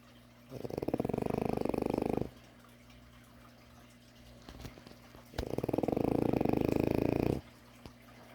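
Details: French bulldog puppy snoring loudly during a nap: two long, loud, rattling breaths about 1.5 seconds each, separated by a quiet pause.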